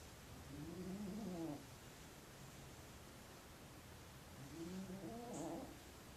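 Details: Soft, rough snoring on two breaths from a sleeping cat against steady background hiss; loud enough to be heard from another room.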